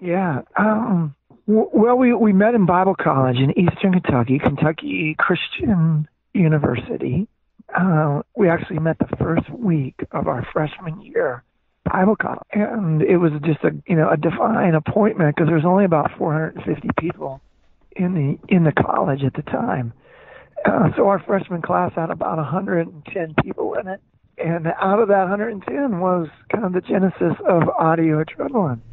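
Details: Man, former rock band lead singer, diagnosed with spasmodic dysphonia (involuntary spasms of the muscles around the larynx) that left him unable to sing; spasmodic dysphonia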